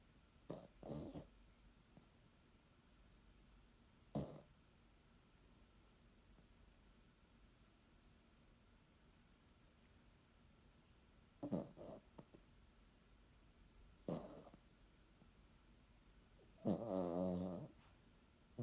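Quiet snuffling snorts and short snores from a small sleeping dog, irregular, with a louder snore at the end.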